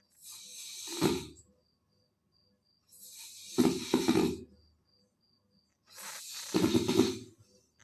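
Three loud snoring breaths, each a hissing draw of air that ends in a harsh rattling vibration, roughly 20 a minute. Snoring.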